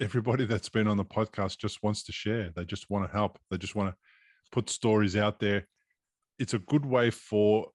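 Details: Adult man speaking; normal voice.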